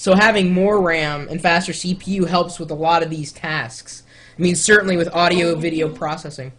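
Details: Adult male speaker; typical speech.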